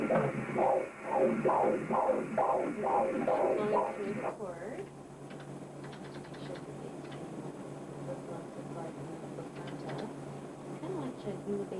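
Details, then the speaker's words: Obstetric ultrasound Doppler of the umbilical cord at its insertion into the baby's belly, with rhythmic whooshing pulses at about 130 per minute; head-down fetus; normal three-vessel cord (one vein, two arteries). "The umbilical cord here, we look for one large vein and two small arteries. And it's the proper number of vessels in the cord."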